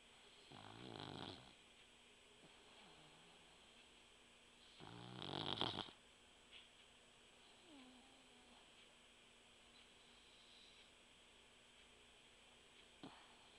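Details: Sleeping puggle (small dog): two rattling snores a few seconds apart with soft snuffles between; snoring.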